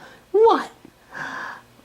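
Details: Infant sneeze in a quiet room: a small high-pitched voiced catch breaking into a sharp burst of air, then a softer breathy hiss.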